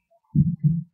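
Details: Classroom demonstration of normal heart sounds: one low, thudding lub-dub, two distinct sounds (S1 and S2) produced by heart valves closing.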